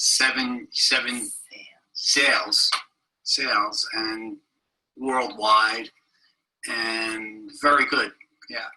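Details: Broca's (non-fluent) aphasia in a male patient seven years after a stroke, with comprehension intact, presented as a teaching example.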